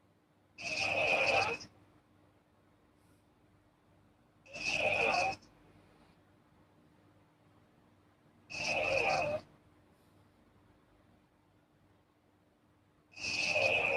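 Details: Girl sleeping, four evenly spaced raspy, breathy snores about four seconds apart, roughly 15 breaths a minute, in a quiet room: soft snoring.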